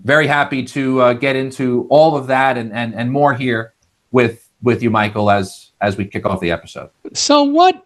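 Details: Adult male semiconductor engineer with lifelong stuttering, managed with speech techniques such as the airflow technique, typically showing vocal cord blocks; this stretch has repeated words; stuttering.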